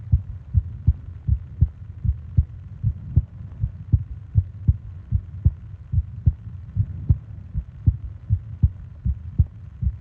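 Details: Sleep-aid ASMR recording of heartbeat and breathing sounds: steady, soft low thumps at about 80 a minute over a faint hum; regular, normal heartbeat.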